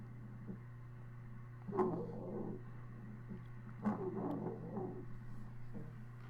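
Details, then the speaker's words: Wheezing, noisy musical wheezes recurring with each breath, heard through a stethoscope over the chest; sounds typical of a patient with asthma. "this is wheezing i think with a with a bit of coughing this last sound clip is what wheezing would sound like under a"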